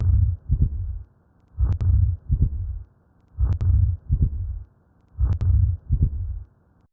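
Simulated heart sounds with a systolic murmur and a split second sound, typical of atrial septal defect.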